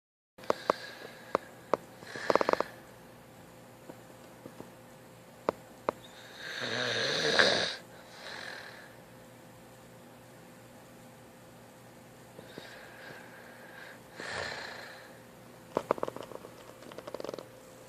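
Intermittent noisy breathing in sleep with a few rough snoring breaths between quiet stretches and scattered clicks; ordinary snoring.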